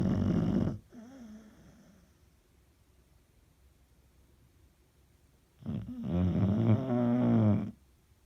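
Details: Snoring: loud, rough, vibrating snores during sleep breathing, separated by several seconds of near silence between breaths.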